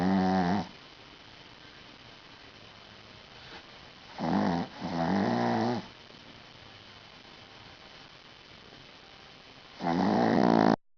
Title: snoring little dog